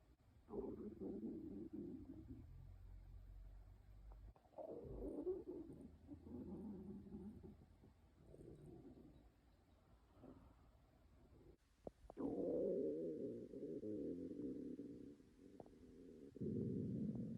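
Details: Girls' empty, hungry stomachs growl with loud, long gurgling and groaning rumbles: normal hunger-related bowel sounds (borborygmi).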